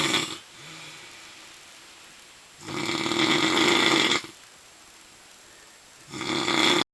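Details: Brother snoring in sleep: loud, harsh rattling snores on each breath in, about three in seven seconds, with quiet exhalations between.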